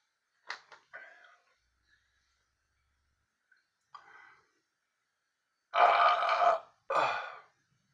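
A few short throaty bursts, then two long loud belches; burping, air brought up from the stomach.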